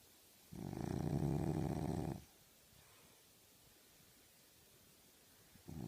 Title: Dreaming snoring French bulldog